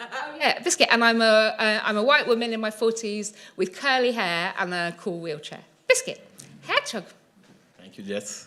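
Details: Woman in her 40s with Tourette syndrome causing uncontrollable movements and noises, with tics intensifying several times a day; vocal tics with frequently repeated words (Tourette syndrome).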